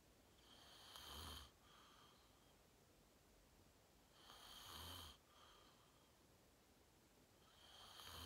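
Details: Self-recorded adult sleeping, fell asleep fast around 8:45, self-described deep REM sleep (sleep apnea only hashtagged): rough, rattling inspiratory snores about 17 a minute with quieter breathing between; ordinary snoring.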